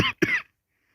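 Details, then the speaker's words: Unwell adult who has been coughing all day, uses an inhaler, feels queasy and says breathing is hard: two quick, harsh cough bursts in rapid succession; a short dry cough. "I don't feel well I have been coughing all day so it's really really hard to stay safe while I'm coughing"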